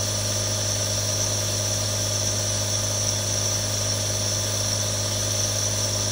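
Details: Real sound of three different nebulizers running: steady continuous mechanical hum with hissing airflow and no pauses.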